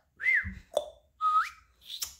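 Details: Loud whistling vocal tic from a speaker with diagnosed Tourette syndrome, who attributes the tics mostly to trauma and stress; vocal tic (whistling).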